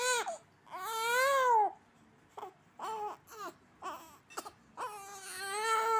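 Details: A one-month-old infant cries in long wailing bursts broken by short gasping sobs, in a quiet small room; infant crying.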